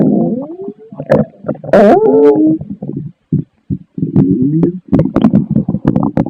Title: Pasta Stomach Growling #Adventuretime